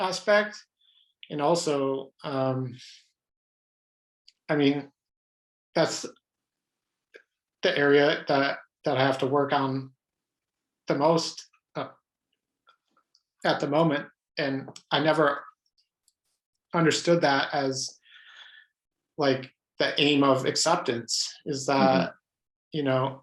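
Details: Adult man who has stuttered all his life, mostly blocks, with highly variable stuttering: stuttering.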